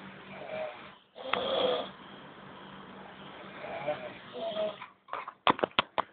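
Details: Old men snoring at night: long, rough breathing noises in sleep, ending in a few short, sharp snorts; snoring.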